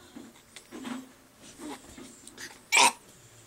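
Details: A young girl burping on request: one loud, short belch after some quiet background talk.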